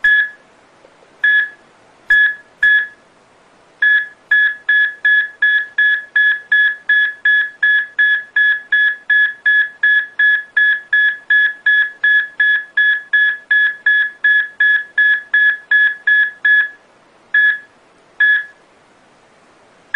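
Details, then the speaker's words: ECG monitor graph-and-sound demonstration of the heart fibrillating, then no longer beating and stopping: fast, uneven beeps about 160 a minute with pauses, then silence; ventricular fibrillation progressing to cardiac arrest. "이렇게 이제 심장이 가늘게 뛰는이 세동 하다가 더 이상 심장이 뛰지 않는 그리고 이제 멈추는 과정을 그래프와 소리로 나타낸 그런 영상이 있는데요"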